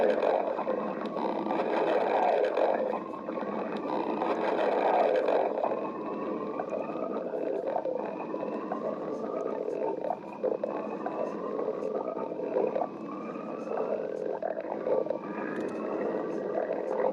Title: Bunny girl stomach growling